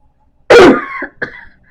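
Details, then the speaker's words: An adult with an ongoing productive cough who is bringing up phlegm and using an inhaler with a spacer gives two coughs, one strong and one softer, with a loose, wet tail. "As you can hear, I still have a cough. It is productive, so I am getting stuff up."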